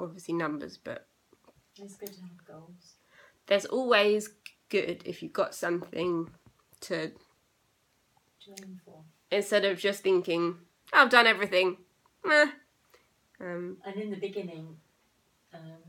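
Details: Young woman with aphasia eight years after a stroke at age 18; still has problems with reading, writing and saying numbers.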